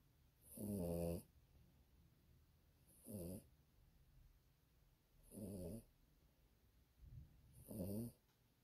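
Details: Sleeping Yorkie recorded at 7:26pm, giving four rough snoring breaths with a nasal whistle, about one every two and a half seconds; snoring.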